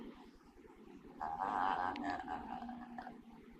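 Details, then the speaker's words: Woman with autoimmune movement disorder, sleeping and talking in her sleep, develops stridor: a harsh, high-pitched, whistling breath sound from a narrowed upper airway during sleep. "So this is an example of what happens. She's sleeping and she's talking in her sleep. And here she gets stridor."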